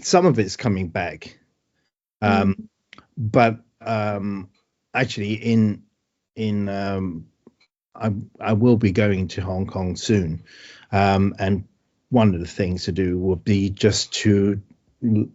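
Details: Man with aphasia after a stroke, with word-finding problems and great difficulty with numbers.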